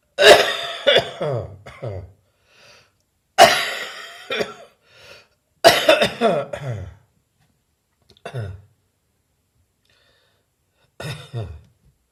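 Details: Adult recovering from bronchitis: repeated short, sharp coughs in clusters, now much drier, without rattle, a dry non-productive cough.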